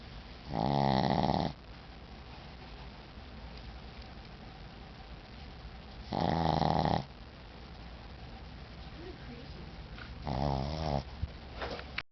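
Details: Tired Shih Tzu dog snoring in sleep: three buzzing, vibrating snores about every 4 to 5 seconds over steady room hiss.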